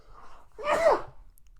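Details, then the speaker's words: A single sneeze from an adult speaking on a podcast. "bless me I hope y'all didn't hear that well I had to sneeze boy so if you got them headphones then I definitely sneezed man go ahead and turn it down"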